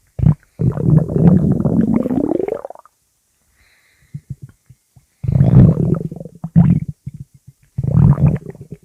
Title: Stomach Growling and Sprey Cats